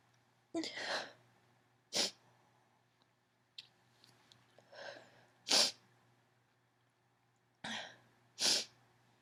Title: Allergy Sneezing Fit (F) - Mostly stifled